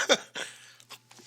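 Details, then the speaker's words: Adult who has been sick for a week with cough, head pressure and stuffy, runny nose gives one short, soft double cough; cause unknown. "sorry but yeah i'm a little sick so you hear that little cough there not sure what it is"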